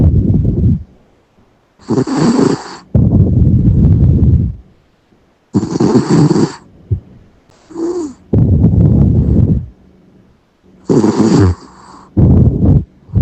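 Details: A sleeping Yorkshire terrier snoring: rhythmic rattling, low snorts on each breath with quiet pauses, about five breath cycles in thirteen seconds.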